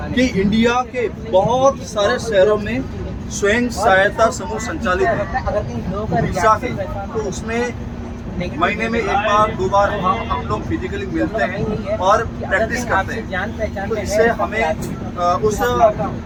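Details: Member of a stammering self-help group, speaking Hindi during speech practice on a train after a communication workshop; stuttering.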